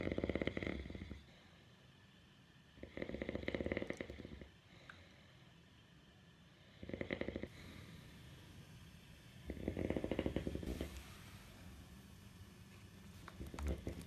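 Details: A father asleep, with loud, fluttering, rattling snores on each breath, about 18 a minute, and quiet pauses between them: snoring.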